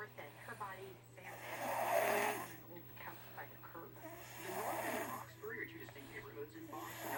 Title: 7 Year Old Sleeping in His New Lego Bed Snoring